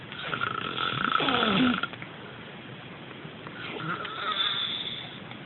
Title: Aryoskon - roncando